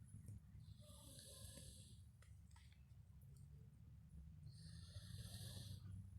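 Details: Low rumbling breaths with snorting, rattling snores at the start and end over heavy low background noise, from a potbelly pig resting in his hay after eating well: snoring.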